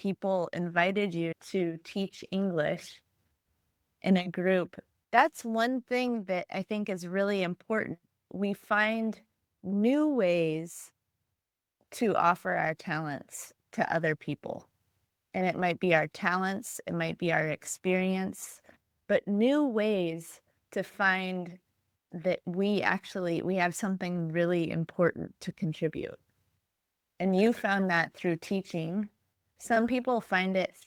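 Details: Adult woman speaking; Normal speech.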